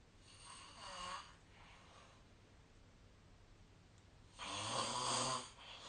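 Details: Sleep snoring recorded 2025/03/20, snore-tracking app noted: a soft snore, a quiet gap, then a louder rasping snore on breathing in; ordinary snoring.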